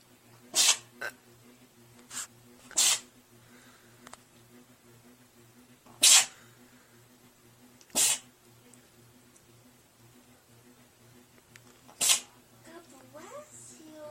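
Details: Cat (female) having a sneezing fit: about six short, sharp, hissing sneezes over fourteen seconds, with saliva noticed on her chin afterwards.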